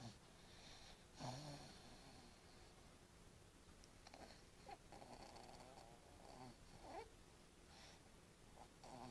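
Soft, faint snoring breaths with occasional snorts in a quiet room; ordinary snoring.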